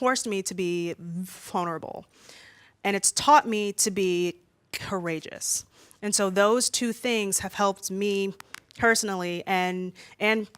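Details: Female speaker who stutters, worse when nervous in front of a room full of people; stuttering.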